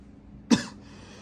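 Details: A single short, sharp cough, acted for a comedy sketch and explained as throat clearing, in a quiet room: cough.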